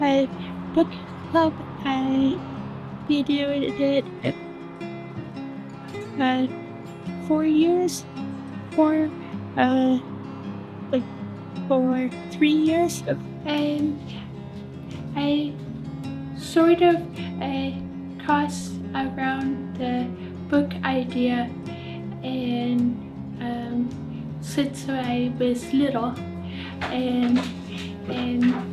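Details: Stroke survivor with aphasia; aphasia.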